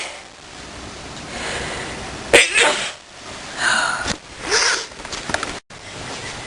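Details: Napping subject sneezing and coughing: a few sharp, hissing sneeze-like bursts with sniffing noises against steady room noise.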